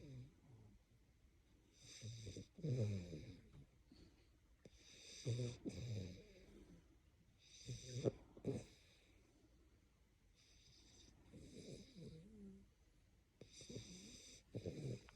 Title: Boy being snores 😴